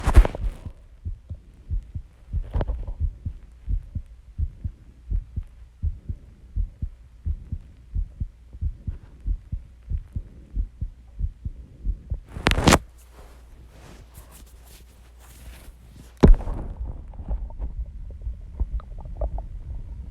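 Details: Person's own recorded heartbeat after exercise while calming down, with heavy breathing and stomach growling: steady, regular low heart thumps at a moderately quick rate, a normal heartbeat.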